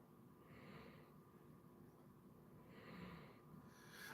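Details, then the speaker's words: Basset hound Handsome Jack snoring softly during an afternoon nap with two other basset hounds. "Yeah, they're just doing their afternoon nap. And then we see this is our nap to prepare for their nap. If you listen closely, you can hear Handsome Jack snoring."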